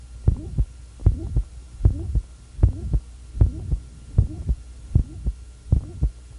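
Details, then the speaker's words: Apex auscultation in an adult man with hypertrophic obstructive cardiomyopathy at rest: regular heartbeat about 77 a minute with a seemingly innocuous short, soft, high-frequency systolic murmur. "in the following recording will be listening over the apex and a gentleman with hypertrophic obstructive cardiomyopathy at rest there will be a seemingly innocuous short high-frequency murmur"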